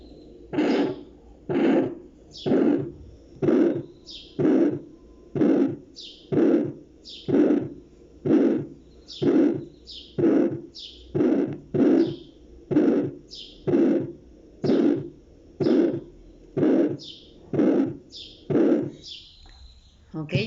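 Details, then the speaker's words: Teaching example of an aortic stenosis murmur: regular heartbeats near 62 a minute, each followed by a harsh, blowing murmur. "este ejemplo que les voy a poner es acerca de un soplo de la estenosis aórtica"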